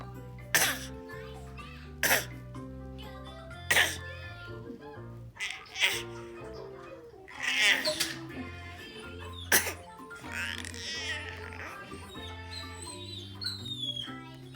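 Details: Child gives about six short, forced, deliberate coughs over steady background music; voluntary fake cough.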